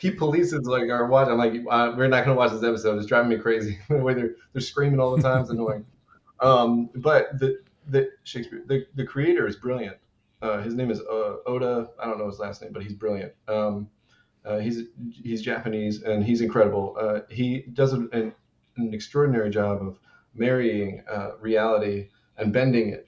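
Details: Adult male with Tourette syndrome, also reporting self-injurious motor tics, grunting and name-calling outbursts; a repeated word intrudes into speech. Vocal tic (Tourette syndrome).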